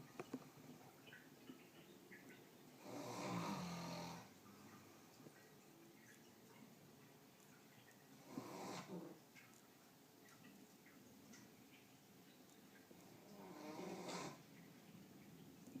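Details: Man snoring loudly: three slow, rough, rattling snores on inhalation about five seconds apart, roughly 12 a minute, in a quiet room.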